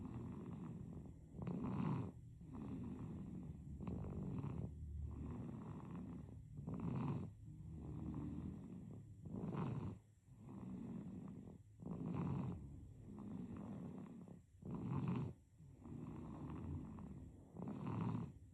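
Rhythmic rattling, purring snores with each breath, about 22 a minute, in a sleeping infant: snoring.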